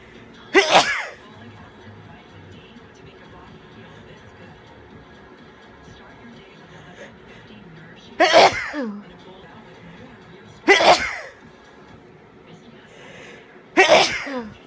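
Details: Sneezing during a head cold: four forceful sneezes over about fourteen seconds, with quiet breathing and faint room noise between; sneezing.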